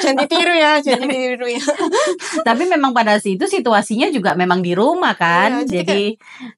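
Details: Adult woman; normal speech.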